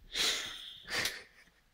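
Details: Old teddy bear hamster? No—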